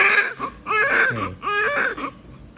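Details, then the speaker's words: Newborn baby girl crying just after birth by unplanned C-section following induction: repeated strong, clear rising-falling wails between short breaths; an ordinary healthy newborn cry. "so obviously i was just very happy she hears she's crying i don't know if you can hear her but obviously i was very happy to have her here"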